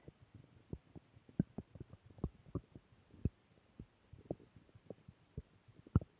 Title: Return of stomach growl 2